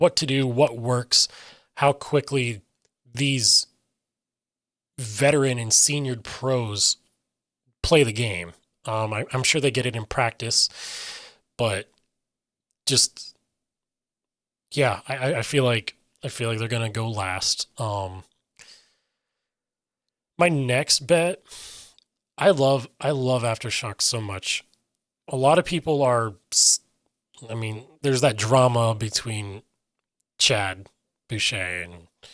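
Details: Aphasia in an adult male who reports difficulty articulating what he means and getting words out, sometimes substituting other words then trying to get back, describing his speech as scattered.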